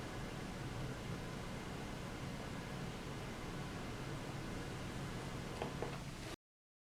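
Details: Steady, soft whooshing hiss of airflow from a running auto CPAP machine with humidifier and hose attached and no mask, in a sound-level comparison of machines; no breathing heard, normal device operating noise.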